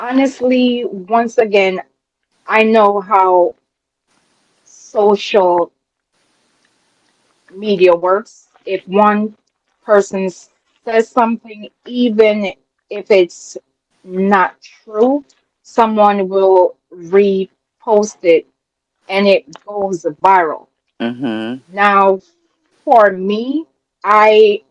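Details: Adult woman, real, self-reported speech impediment that she calls her "disability"; speech impediment.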